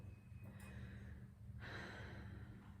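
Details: Two soft airy breaths over steady low room hum: slow, deep breathing on request during stethoscope auscultation of bronchovesicular lung sounds in a chest exam.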